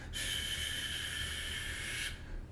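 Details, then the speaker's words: Vocal imitation of a severe aortic stenosis murmur: a steady, harsh, breathy systolic hiss of about two seconds with a crescendo-decrescendo character, as a teaching demonstration. "the aortic murmurs are harsh they are crescendo decrescendo like shh"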